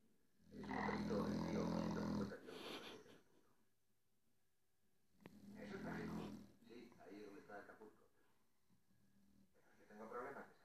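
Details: Sleeping Staffordshire Bull Terrier dog snoring and dreaming: loud, rattling snores on the in-breath, followed by softer huffing breaths and small noises as it dreams; snoring.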